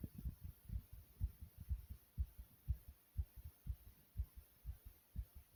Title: Fast Heartbeat Sound ❤❤